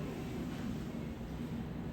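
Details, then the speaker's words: Portable suction aspirator (ProEx) with silicone tube for home-care respiratory physiotherapy, giving gentle nasal suction in children: a low, steady motor drone. Covering the side hole with a finger gives strong suction; uncovering it gives weaker suction. "Quando eu ocluo esse buraquinho com o meu dedo, ele suga muito forte. Quando eu tiro o buraquinho, ele suga mais fraco."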